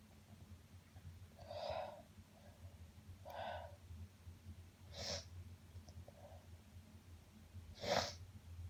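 Four sneezes in about nine seconds, with quiet sniffing between them over low room hum.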